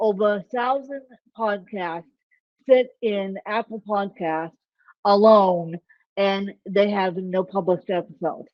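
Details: Dysarthria in an adult woman with ataxic cerebral palsy; the type of speech impairment is not named.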